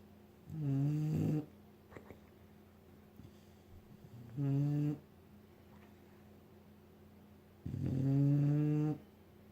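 Slow, droning snores with a steady low hum, about 16 breaths a minute, and quiet pauses between them. Snoring during sleep.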